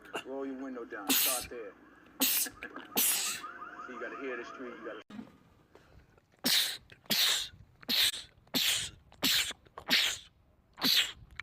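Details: Men's rapid sneezing compilation: background voices and music give way to about ten short, sharp sneezes in quick succession; rapid repetitive sneezing fit.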